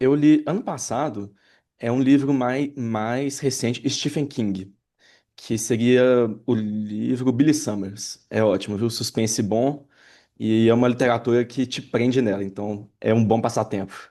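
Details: Adult Brazilian Portuguese-speaking man who stutters, in a real interview: stuttering.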